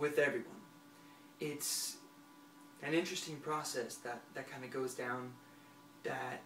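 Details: Stuttering in a 23-year-old man who has stuttered for about 20 years. It is situational, he sings fluently, and he has worked on it for a year and a half but is still in progress.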